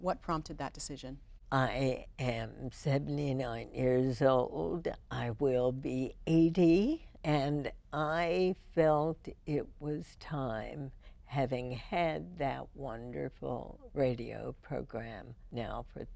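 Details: Woman, a longtime radio host, with spasmodic dysphonia first diagnosed in 1998, treated every four months with botulinum toxin injections into the vocal cords; spasmodic dysphonia.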